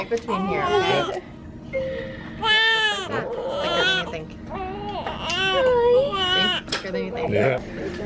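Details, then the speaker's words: Newborn girl's loud, rising and falling cries just after a 28-minute pushing stage in a vaginal birth with epidural and pitocin for slow labor, first-time mother, adult voices nearby; newborn cry. "it took 28 minutes and baby girl was out oh"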